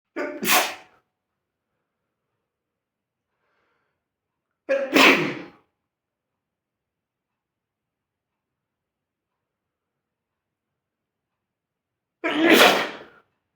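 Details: Three separate sharp, sudden sneezes spaced several seconds apart in a quiet room; a small fart is also noted.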